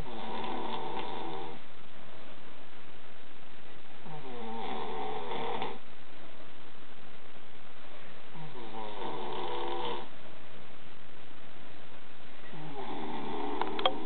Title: The infamous snoring video